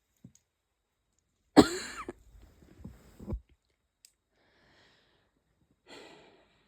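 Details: One loud, harsh, explosive barking cough followed by a few weaker coughs, lingering after a cold; chest hurts badly.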